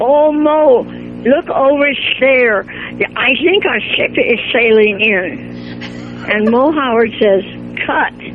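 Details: Acted, deliberately exaggerated imitation by an elderly woman of a man's speech impediment, done so it can be heard on radio; speech impediment (imitation).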